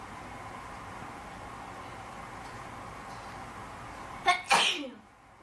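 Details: Induced sneezing in a person: quiet room, then a short sharp in-breath and one loud explosive sneeze near the end.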